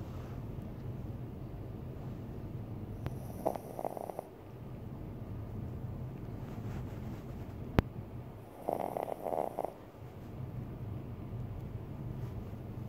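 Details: A person snoring: two soft, fluttering snores about five seconds apart, over a steady low hum of room noise.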